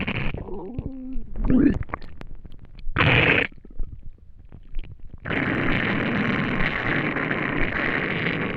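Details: Person who had not eaten for a day: gurgling, squeaky rumbles and short bursts, then a long rushing gurgle, loud hunger bowel sounds of an empty stomach (borborygmi).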